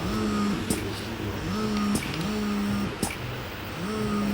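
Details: Spectra electric breast pump running in expression mode at increasing suction levels: rhythmic motor hum rising and falling in cycles, with soft clicks as suction releases.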